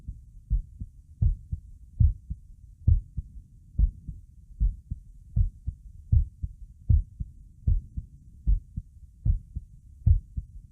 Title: Visible neck pulse + heartbeat sound